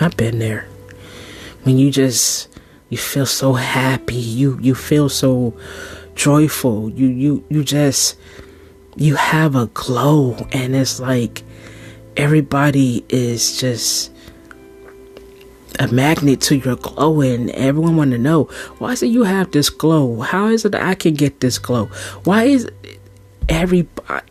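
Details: Stuttering in a podcast host reciting a poem; the host says stuttering tendencies began at a young age after childhood abuse, stuttered as a teenager and still mildly present; word and part-word repetitions.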